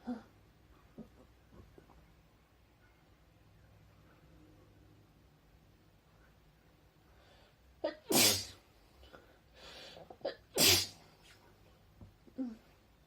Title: Sneezing girls Covid-19 funny nasal swab test sneezing - කොරෝන පරීක්ෂණය කරන ටික්ටෝක් වීඩියෝ